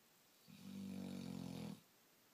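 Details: Tired female black Labrador, up late the night before, sleeping in the morning: a single sustained, low, buzzing snore over a second long in a quiet room; snoring.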